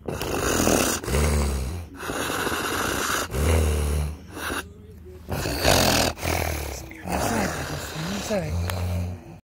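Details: Stertorous breathing during a severe seizure in a man, who was sore afterwards: loud, low, snoring-like grunting breaths, irregular, about 26 a minute.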